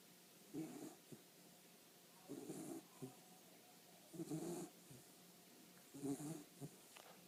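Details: 12-week-old kitten sleeping, soft rhythmic snuffly snores about 32 per minute with small clicks between breaths: ordinary snoring.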